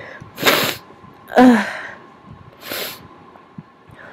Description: This time I induced with Q-Tips... worked wonderfully, as you can hear! The big, wet sneezes return!